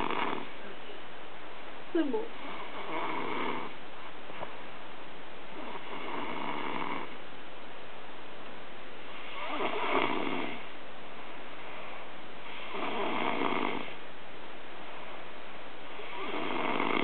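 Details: Adult snoring, recorded 2009: steady rasping snores about 17 to 19 a minute on a muffled recording.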